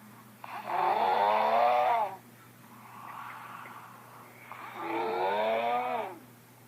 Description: I think that's one of the funniest snoring ever